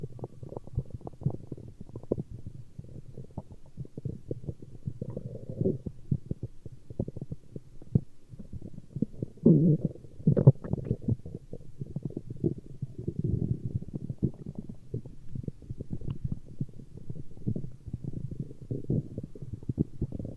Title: Stomach Growling